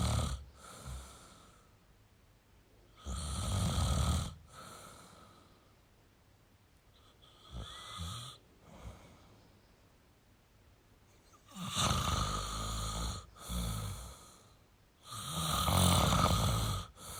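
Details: Male snoring: loud rattling snores on the in-breath, about five over seventeen seconds, with quiet pauses between.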